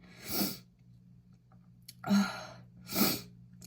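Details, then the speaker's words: Pregnant woman sniffing bath essence: three sharp explosive sneezes in quick succession with a brief sniff and catching breath between, described as wet and big, eyes watering; sneeze. "Oh my gosh, oh my gosh. I feel it. Oh my gosh. In my... Oh, that's so wet. That's one big one for me, apparently."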